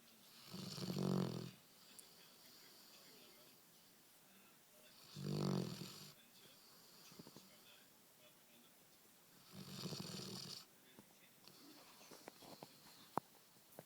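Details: Sleeping black Labrador retriever snoring: three rumbling snores, about 14 a minute, each on the inward breath, in a quiet room; ordinary snoring.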